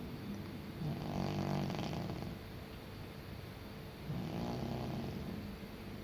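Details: Senior cat sleeping: two soft, rumbling snoring breaths a few seconds apart over steady background hiss; ordinary snoring.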